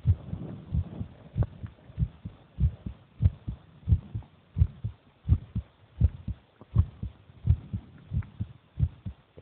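Steady low thumping heartbeat at about 86 beats a minute, with faint hum in the background.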